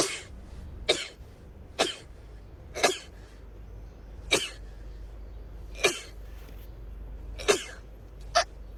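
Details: A rapid run of about eight short, sharp sneezes in quick succession, roughly one per second, over a steady background hum.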